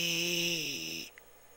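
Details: Improved voice after pulsed dye laser treatment shrank a left vocal cord polyp, with better vibration on one cord and less air leak, reducing hoarseness.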